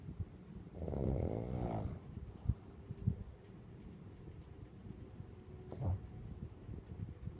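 Two low, fluttering snores sound several seconds apart over quiet room noise. This is dog snoring.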